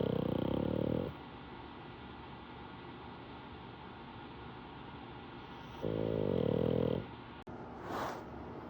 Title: KingPug snoring like a chainsaw while napping on his (reclining) throne.